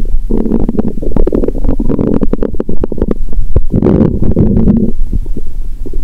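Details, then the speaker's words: Stethoscope on the abdomen after drinking cola with Mentos, belly painful, relaxed: loud gurgling and bubbling rumbles with rapid pops and low groans, active bowel sounds (borborygmi). ""Tôi nghe thấy rất nhiều tiếng động lớn 😂"."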